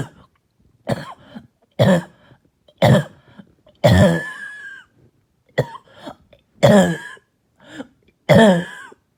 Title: Barking and Hacking Cough All Night